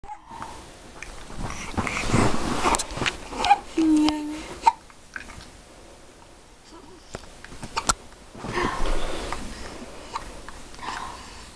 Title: Hiccups go away!